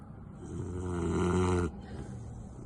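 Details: A sleeping Victorian Bulldog snoring: a single loud, rattling snore with a low buzzing vibration on the in-breath, then quiet breathing; flat-faced dog snoring.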